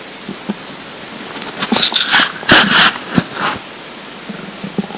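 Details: Irregular bursts of gurgling and bubbling over a steady hiss: stomach rumbling (borborygmi) from a hungry, empty stomach, a normal sound.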